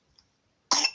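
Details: 9-month-old baby girl with fever, cold and runny nose at midnight, feeding poorly: a single short, harsh dry cough burst with no wet rattle.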